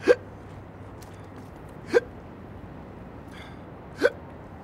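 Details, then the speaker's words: Three short, abrupt hiccups about two seconds apart, each a brief sharp gulp with a catch in the throat, in a staged commercial skit: hiccups. "Max? Shh. You want to kill your hiccups, don't you? Chug it."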